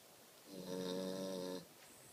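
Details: A single buzzing, tonal snore lasting about a second over quiet room noise; snoring.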